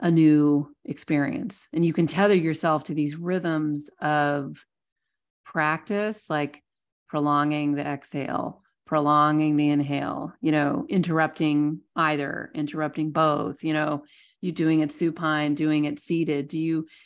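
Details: Adult speaker; normal speech.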